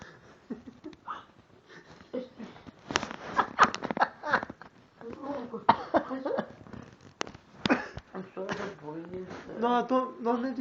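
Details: Drunken phone call: slurred speech over the phone line broken by several sudden, sharp hiccup bursts.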